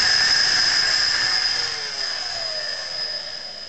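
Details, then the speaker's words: Oscillating cast cutter switched on briefly in the air before cutting an ankle cast; blade oscillates rather than rotates; loud steady high-pitched whine slowly fading as the motor winds down. "the blade actually oscillates backwards and forwards and it doesn't rotate even though it looks like it rotates and it's quite safe if it comes into contact with soft tissue however when it's in contact with something uh rigid it does make a cut"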